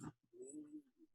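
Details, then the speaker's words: A short snort, then faint low whistling breaths from an old small dog held close to the mic; owners describe it as wheezing; mild wheezing. "Absolutely like, wheezing. Dog's having like an asthma attack."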